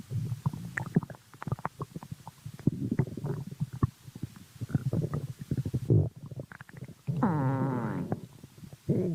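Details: Person's stomach growling: gurgling, bubbling rumbles with a long creaking gurgle near the end.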